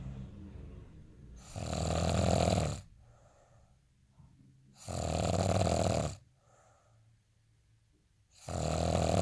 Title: day in life snoring asmr sound 241